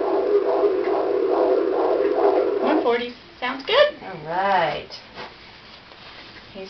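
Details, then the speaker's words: Fetal heartbeat on Doppler at a prenatal visit, fundal height 34 cm: fast, regular whooshing pulses of about 160 a minute, described as normal, followed by brief adult voices. "You're gonna hear his heartbeat here in a second, remember?"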